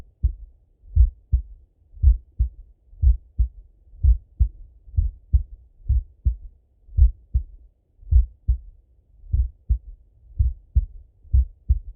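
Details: Full heart auscultation of a male, recorded either sitting at a desk or lying in bed: steady lub-dub at about 70 beats a minute, crisp first and second sounds with no extra noises; normal heart sounds.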